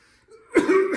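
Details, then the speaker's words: Adult male's voluntary cough, done on request during a cough assessment facing away: one strong explosive cough with a short voiced tail. He inhaled, closed the glottis, contracted the abdominal muscles and forcefully expired, giving a healthy, normal, non-tenacious, slightly productive cough. "when i assessed the sound of his cough it was a healthy normal non-tenacious slightly productive cough"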